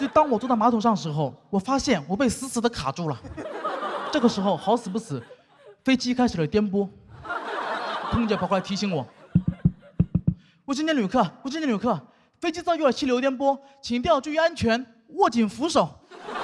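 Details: Adult speaker on stage; ordinary speech.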